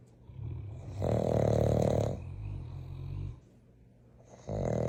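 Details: Dog snoring in sleep: low rumbling snores on inward breaths, with a quieter exhaled rumble between; snoring.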